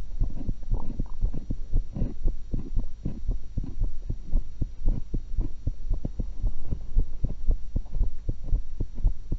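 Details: Own heart sounds recorded through a stethoscope while eating an apple and a cucumber: fast but regular beats at about 115 per minute with chewing noise and a steady hum; normal heart sounds.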